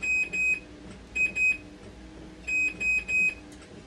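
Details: Loud high-pitched alarm beeps in repeating groups of two and three from a dialysis machine under repair for an "actuator board not working" fault.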